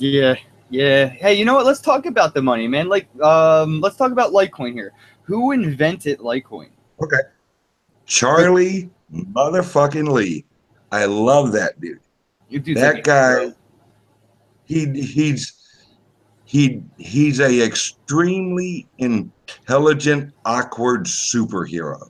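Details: Self-reported speech impediment of unspecified type in a man; speech impediment.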